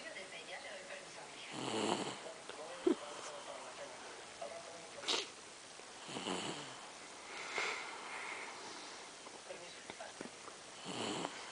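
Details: Repeated noisy breaths about every two seconds with rattling on the breaths during sleep; loud snoring.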